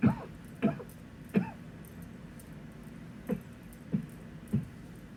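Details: Adult male coughing into a pillow: six short, muffled, dull, low-pitched cough bursts in two clusters of three, smothered, over faint room noise; repeated coughing.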